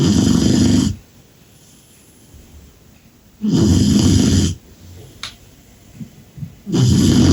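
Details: A Cane Corso puppy snores in its sleep after a full day, described as snoring like an old man.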